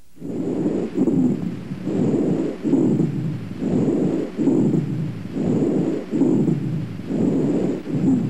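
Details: Rhonchi heard on lung auscultation during a chest examination.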